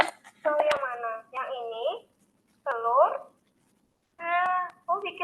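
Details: 7-year-old boy with sensory hearing impairment, using hearing aids since age 4 that did not meet his needs, later leading to a cochlear implant; cannot yet produce clear meaningful words; unclear speech in a child with hearing loss.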